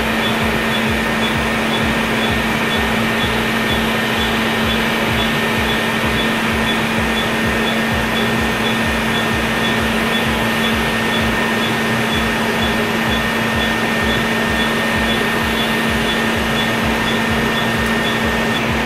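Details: Laser hair removal on the face during treatment: steady machine hum with a faint constant whine and fan-like rush of the laser device running.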